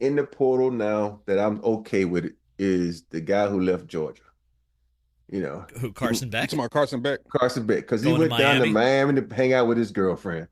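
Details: Adult man speaking; ordinary speech.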